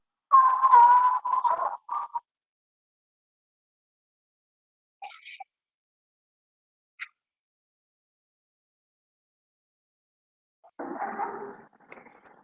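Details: Harsh, high-pitched musical breath sounds consistent with stridor, a sign of upper airway narrowing; inspiratory stridor suggests extrathoracic lesions.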